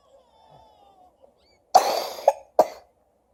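Faint background tones, then three sharp coughs in quick succession, the first the longest and loudest.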